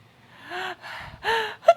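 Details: Baby's reaction to sneezing: short, sharp, voiced in-breaths in quick succession, a gasping reaction.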